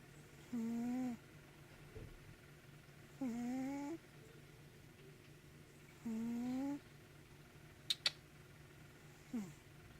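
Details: Snoring in a sleeping cat, which the owner jokes needs breathing strips: three soft, whistling, tonal snores on the breath, roughly every three seconds, in a quiet room.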